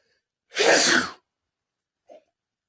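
One loud, explosive sneeze followed by a short, faint sniff; sneezing.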